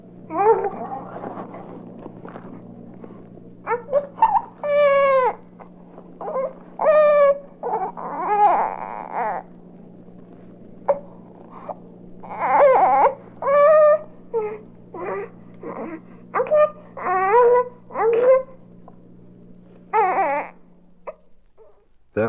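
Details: Young infant's normal waking vocalizations from a 1967 baby-sounds recording: short whimpering coos and fussy cries while stirring awake, separated by pauses, over a low steady hum.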